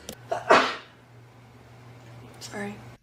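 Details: A single sharp sneeze, with a brief breath before it and soft voicing after, during conversation.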